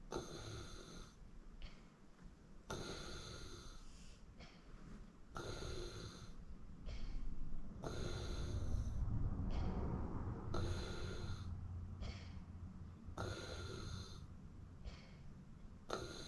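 Loud rattling snores with each breath, about 23 breaths a minute, some whistling on the breath; heavy snoring during sleep.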